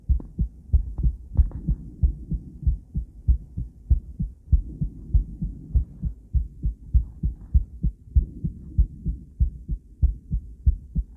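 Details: Doppler ultrasound recording of a female's heart with steady, regular low whooshing thumps and some extra noise at the start; normal heartbeat.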